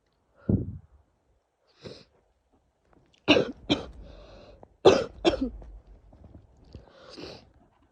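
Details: Sneezing fit in a female with a worsening cold: a run of about four sharp, explosive sneezes with a hiss and quick breaths between them.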